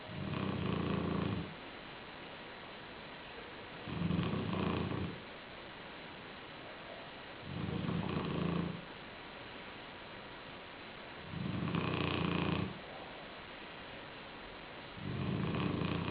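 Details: Black shar-pei dog asleep on a pillow: low, rumbling snores about every 3.7 seconds, roughly 16 a minute, with quiet breathing between; snoring during sleep.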